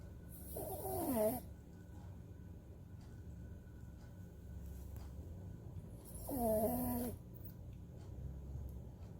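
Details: Sleeping Maltipoo puppy snoring: two whistling, squeaky snores about five seconds apart over a steady room hum; harmless snoring.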